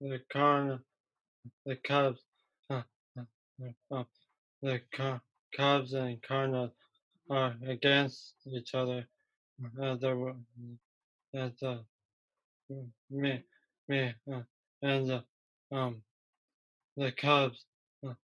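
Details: Non-fluent aphasia in a young male about 3 years after a stroke from a ruptured arteriovenous malformation at age 15 that caused a coma; a problem getting words out rather than understanding.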